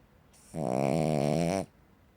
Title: Cavalier King Charles Spaniel dog snoring like a chainsaw